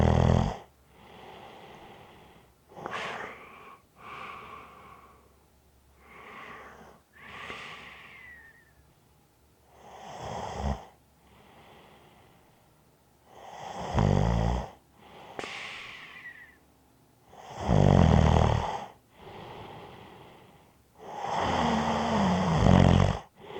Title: Snoring Sounds ZZzzz with a light whistle